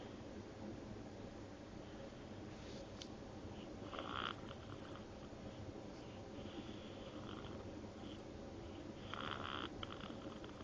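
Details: A baby snoring while asleep: soft, noisy snorting breaths recurring every few seconds over faint steady room hiss.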